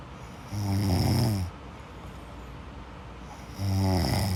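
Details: Person snoring in sleep: two loud, deep, rattling snores with steady background hiss between them; heavy snoring.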